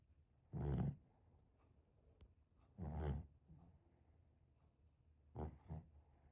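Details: Small Shih-poo dog snoring while asleep: three rough, low snorts at irregular intervals, the last split into two quick pulses, with quiet breathing between. Snoring.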